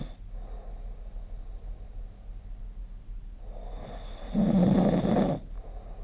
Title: 🐽 Snoring Sleep Sound